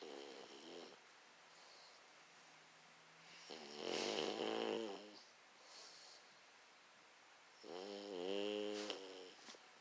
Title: Snoring pug